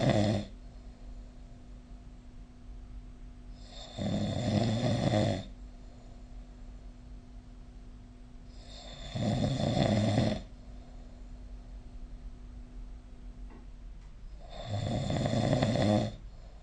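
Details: Loud, rough, rattling snores recurring about every five seconds with quiet pauses between, recorded with the SnoreLab snoring-recording app.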